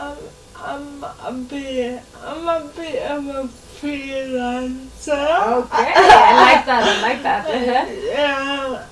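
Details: Adult woman speaking; plain speech.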